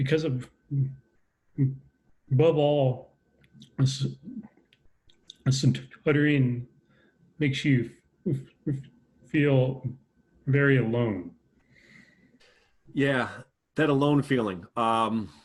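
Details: Stuttering in an adult man with a lifelong stutter, speaking in a conversation.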